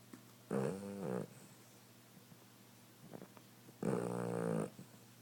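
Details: Female, likely a dog, sleeping: two groaning, voiced snores on the in-breath, separated by quiet breathing in a small room; snoring.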